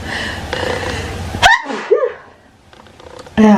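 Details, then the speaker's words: Adult woman with morning sneezes nearly every morning: sharp inhaled catch, then one explosive sneeze with a short voiced trail after talking. "my morning sneezes of the morning. That happen every single morning, pretty much."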